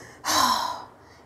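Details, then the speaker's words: One strong rushing breath blown out through an inverted triflow incentive spirometer (breathing trainer), a lung exercise to build exhalation capacity; forced exhalation through incentive spirometer. "Acceleration मतलब lungs से कितना air बाहर जाता है वह भी इसमें मैशअप हो सकता है उसके लिए आप क्या करेंगे इस इक्विपमेंट को उल्टा करेंगे और उल्टा करके बाहर के तरफ सास को छोड़ेंगे"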